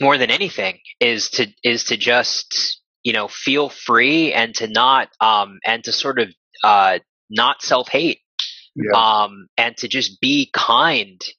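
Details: 31-year-old man who stutters; reports blocks with physical shaking now, whereas as a child he prolonged and repeated words; stuttering.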